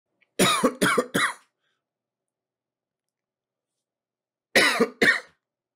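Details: Acted adult male cough sound effect recorded with a Blue Yeti Nano USB microphone: a run of three coughs, a long pause, then two more.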